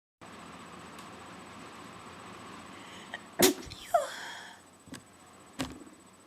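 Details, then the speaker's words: One loud, sharp sneeze, self-described as weird, against steady room and air-conditioner hum, followed by a vocal trailing sound and a few small clicks; sneeze. "that was a good one sorry if that sounded weird to you I have a weird sneeze you should probably get over it"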